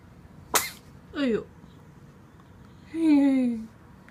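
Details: Sneeze at home: a sharp burst, then two short voiced sounds, the last a longer falling cry; a sneeze with vocal follow-up.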